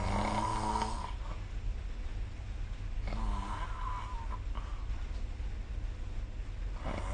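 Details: Sleep snoring recorded with the SnoreLab phone app: low, rough rattling sounds on breathing over a steady low room hum; snoring.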